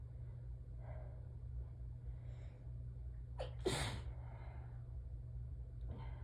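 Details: Adult with allergies, not allergic to cats, peppermint in mouth, in an allergic sneezing fit that ends suddenly: soft in-breaths build to one sharp, slightly stifled sneeze over a steady low hum.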